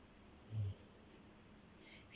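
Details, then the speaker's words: Dog resting next to the recorder during a yoga session gives a single brief low snort-like snore against quiet room noise. "You can hear something snoring, that's my dog next to me."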